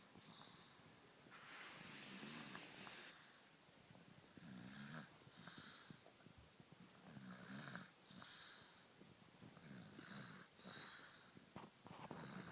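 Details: Baby asleep standing up in a bouncer: soft, irregular snuffling snores with short rattling breaths, about 23 a minute, over faint room noise; snoring.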